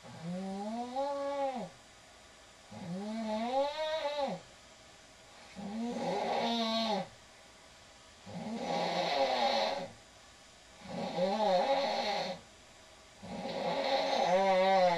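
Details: Woman snoring, recorded by her partner: six loud, voiced, rising-and-falling snores about 23 a minute with quiet gaps, some with a whistly, whining edge.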